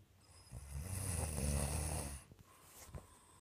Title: snoring lol